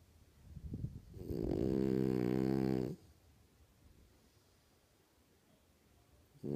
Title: My Frenchie, Lola snoring up a storm!